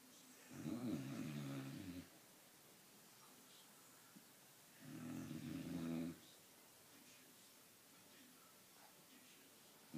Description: I could've got closer but I didn't want to wake him